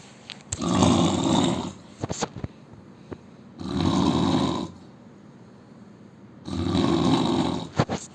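Loud, rough, low snores about every three seconds, roughly 20 a minute, with quiet gaps between. Ordinary snoring.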